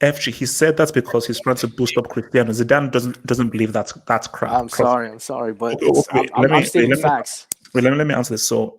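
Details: Stuttering in a male host; he says it runs in his family, as his father and older brother also stutter, and calls it genetic.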